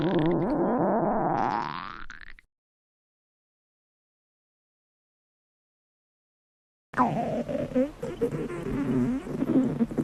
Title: Random Stomach Growling 😋 😜